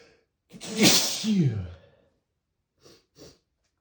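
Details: Male, sneezing without stifling: one loud, wet spray sneeze with a voiced cry, followed by two soft sniffs.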